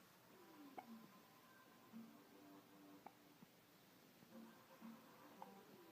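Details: Hiccups from an infant girl about 2 weeks old (parent believes).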